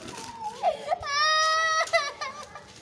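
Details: Baby crying at injection time in Pakistan: a short cry rising into a sustained high wail with brief breaks, an infant pain cry right after an injection while being held and soothed.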